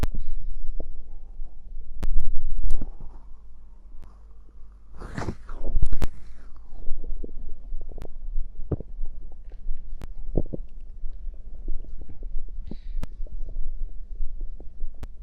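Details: Stomach after drinking cider (fizzy drink), ASMR recording: low gurgling rumbles and bubbly sounds from moving gas and fluid; ordinary stomach growling (borborygmi).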